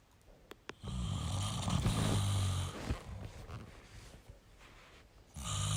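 Low rattling snore on a breath in, followed by quieter breathing and the start of another snore; ordinary snoring.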